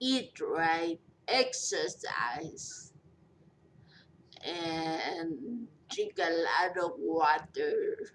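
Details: Post-stroke speech impairment in a 43-year-old woman after a major stroke with a long recovery; she says she is hard to understand.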